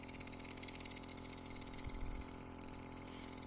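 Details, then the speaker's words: Home nebulizer compressor running with medicine loaded but producing no mist, fault at the joint part: steady mechanical hum with fast rhythmic pulsing of the small compressor. "ఇక్కడ మనకు వచ్చిన problem ఏంటంటే machine ఆన్లో ఉన్నా కూడా, medicine ఉన్నా కూడా smoke అనేది రావట్లేదు."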